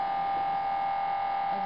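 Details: A loud continuous electronic buzzing drone with a steady tone, the gradient noise inside an MRI scanner during a cervical spine scan of a female patient.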